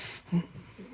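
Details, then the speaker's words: Single brief, muffled cough from an adult podcast host, audible in the silence of a quiet small room. "that was me coughing and his wife glarry no you could just hear it in the silence"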